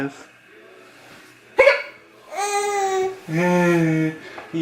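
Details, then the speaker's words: Baby laughing with hiccups: a sharp, abrupt hiccup sound, then voiced laughter and babbling in a small room. "Oh. Beatrice has what? Hiccups! Oh, you're so fast."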